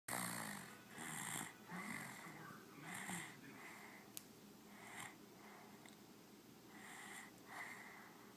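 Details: Snoring: soft, irregular breaths with a slightly whistling, nasal quality, some eight to nine in the clip.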